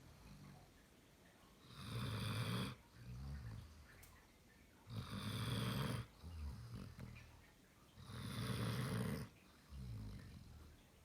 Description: Snoring German Shepherd